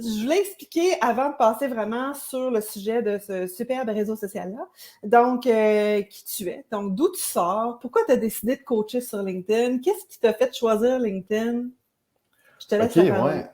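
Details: Adult woman; normal speech.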